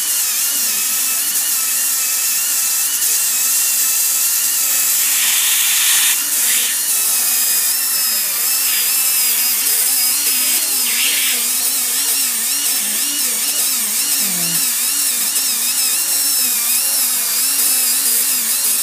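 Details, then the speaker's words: High-pitched whine of a dental handpiece with a polishing puck trimming the top part of a tooth restored with composite for a class V abfraction lesion; brief pitch shifts as it contacts the tooth. "and then we go in with a polishing tuck to trim up the top part of the tooth"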